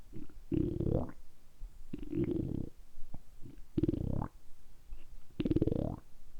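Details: Deliberately produced stomach rumbling (borborygmi), recorded close up for ASMR during about 10 minutes of continuous belly sounds: four long, deep gurgling rumbles with short pauses.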